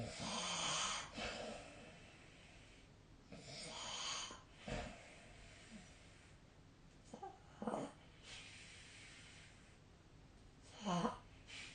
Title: 🐽 本日のイビキ / Snoring Sleep Sound 2025/03/21